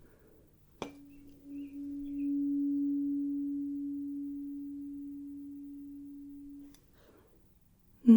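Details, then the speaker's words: Simulated medical exam (ASMR role-play) hearing test: struck high-pitched 512 Hz tuning fork rings a steady tone that slowly fades over about six seconds. "so let's start with the high pitched one this is 512 Hertz coming in loud and clear"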